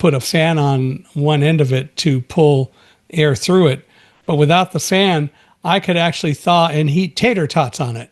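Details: Adult man speaking; typical speech.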